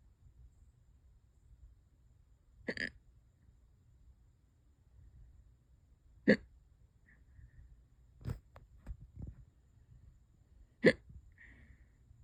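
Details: Hiccups that have lasted for hours and keep getting worse: four sharp, sudden gulping clicks spaced several seconds apart in a quiet room, about 13 per minute.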